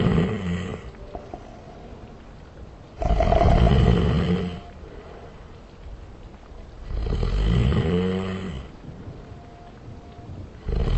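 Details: Snoring recording that has been slowed down with added reverb: loud, deep, rumbling snores roughly every four seconds; altered audio of snoring.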